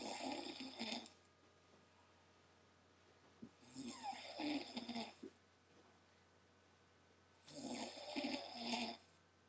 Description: little kid snoring up a storm.